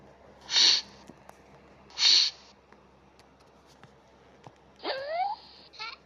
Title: Girly Voice Sneezing